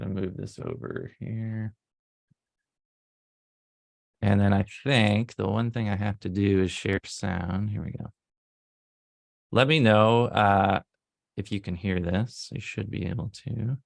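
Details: Adult male speaker; Normal speech.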